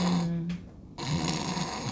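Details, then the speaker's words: An adult sleep-health specialist imitates snoring sounds, a low buzzing snore, a pause, then a rougher rattling snore, and explains that such sounds reflect the uvula being pressed or the mouth falling open. "그러면 그 소리를 흉내 내다 보면 아 효과 말이네 으 아 저쪽에서 목젖이 이렇게 눌러지는 구요"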